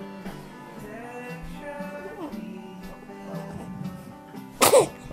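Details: Sneezing described as a triple sneeze, recorded January 28, 2009 in Edmonton; music plays, and one sharp, explosive sneeze is heard near the end.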